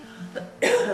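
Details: Voluntary cough, part of a child's lung-health chest physiotherapy exercises.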